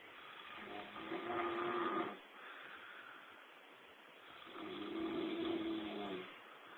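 Two slow, rattling snores on the in-breath, with a quieter out-breath between them. Ordinary snoring.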